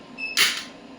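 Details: Electromagnetic shockwave therapy machine, handpiece applied to the demonstrator's elbow joint at 1 Hz with energy starting at 5 mJ: a single sharp hissing crack from one pulse with faint room noise; shockwave therapy applicator pulse.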